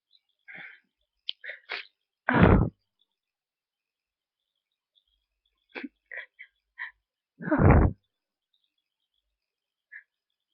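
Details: Person with a tickly nose, probably getting sick: quiet catching breaths build up to two forceful sneeze bursts a few seconds apart, with faint sniffs between; sneezing, followed by a stuck sneeze.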